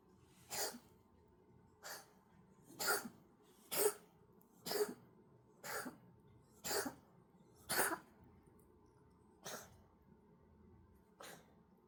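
Eleven short, dry, hacking bursts about a second apart in a quiet room, a cat coughing.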